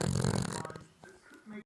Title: My cav snoring